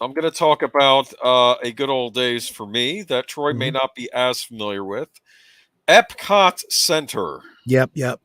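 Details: Adult male speaker; normal speech.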